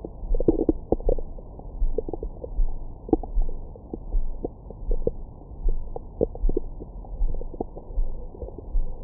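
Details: Active bowel sounds from the recorder's own belly after a large meal, recorded with a Stemoscope stethoscope microphone: frequent gurgles, squeaks and low rumbles, with occasional groan-like notes; normal digestive sounds.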